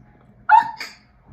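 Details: Single sudden, bark-like vocal burst breaking a quiet pause: a vocal tic of Tourette syndrome, recorded during a TV interview.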